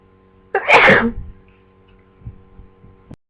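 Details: Person with flu for two days, newly sneezy: a single explosive sneeze followed by a few soft sniffs, with steady background hum; sneeze.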